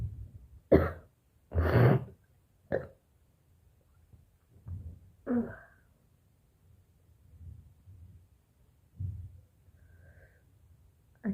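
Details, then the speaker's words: Woman with a throat congested since morning, coughing up and spitting thick, dark phlegm into a bowl: several harsh, wet coughs and throat clearing with quieter breathing between. Productive cough. "सुबह ना एकदम गला पकड़ा था, तो अभी निकल रही है, तो गला देखिए धीरे धीरे साफ हो रहा है।"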